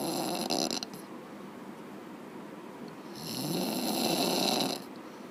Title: Snoring bunkmate